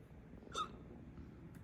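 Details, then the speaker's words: Man joking about hiccups, saying he gets them by eating a lot of bread fast; a single brief, abrupt gulping hiccup against room noise; hiccup. "it's not it's not the kind of thing where you get the hiccups and it's like wow that was great like heroin it's more like you get the hiccups and you feel like you're doing something good for the people around"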